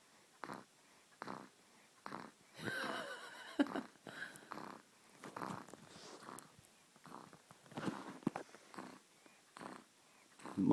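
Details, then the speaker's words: A sleeping 7-week-old baby girl snoring shortly after falling asleep, with soft, regular snuffly snore sounds on each quick breath in a quiet room. "aurora is snoring it's your face yeah definitely our father's daughter that's what i could say she's just chilling snowing can you hear that close up"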